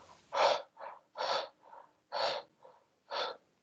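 Fast, forced breaths at about one a second, loud airy exhales after softer inhales, then a voice. Deliberate, acted hyperventilation.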